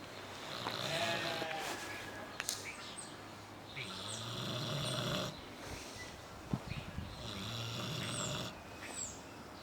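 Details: Rough, rattling breaths about every three seconds over steady room noise; Harley the pig snoring while asleep, said to sound like a human spouse snoring.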